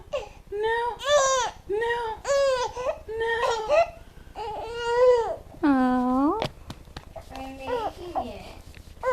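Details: Baby girl crying in repeated rising-and-falling wails in bursts, with breaths between and an adult voice near the end; ordinary infant crying.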